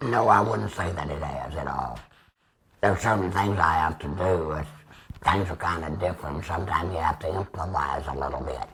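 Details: 75-year-old man, total laryngectomy about two years ago with radiation after tracheostomy, speaking with a Provox Vega voice prosthesis, extra HME cassette and Stabila base adhesive; tracheoesophageal speech after laryngectomy.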